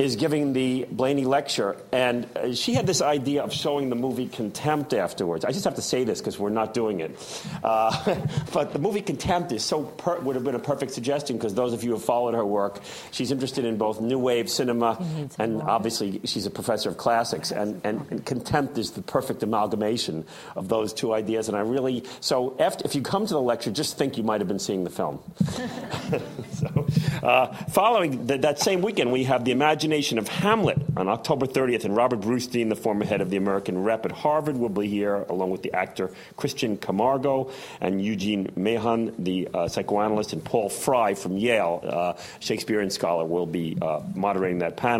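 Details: Adult male speaker; typical speech.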